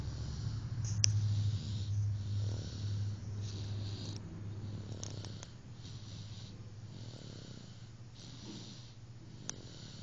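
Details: Snoring: a low, rumbling snore runs steadily through sleep breathing, with a few sharp clicks in the background.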